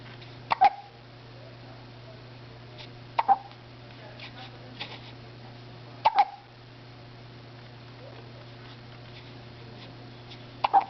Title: Morning Hiccups